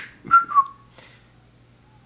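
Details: Adult man with Tourette syndrome and schizophrenia: a brief two-note whistle, then silence, a whistling vocal tic that he speaks through without altering his speech.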